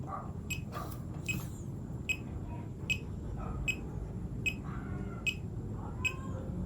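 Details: Fingertip pulse oximeter used alongside a KKTICK Tank T6 smartwatch during a demonstration of blood oxygen monitoring (SpO2 reading 97%): steady high beeps about 76 a minute over room noise, each beep marking a pulse beat.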